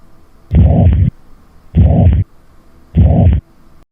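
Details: Three long, blowing, low-pitched whooshing sounds at about 50 a minute, each filling systole, a right-sided murmur said to increase on inspiration; holosystolic murmur of tricuspid regurgitation.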